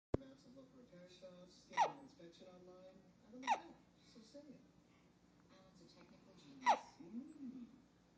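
Three abrupt hiccup sounds from a baby, roughly every two seconds, amid soft vocal sounds: hiccups.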